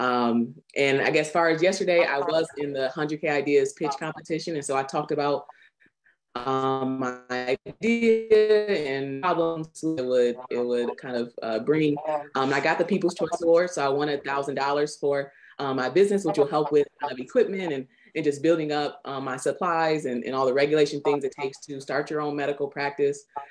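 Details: Adult speaker; Normal speech.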